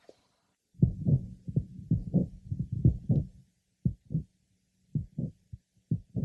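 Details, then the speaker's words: Late apical systolic murmur of mitral valve prolapse, heard at the apex: heart sounds with a pause after the first heart sound, then a soft murmur beginning in mid-to-late systole; no systolic click is present. "note that this merma is in the lat part of Cy there's a pause between the first H sound and the beginning of the Burma in mid Cy it is a no systolic click is present"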